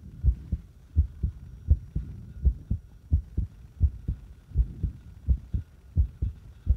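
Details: Irregular, somewhat fast heartbeat: low thumping beats at about 85 a minute with uneven spacing between beats.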